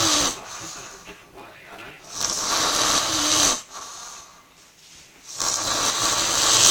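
Harsh, hissing, rasping breaths repeating about 19 times a minute, with background noise; snoring.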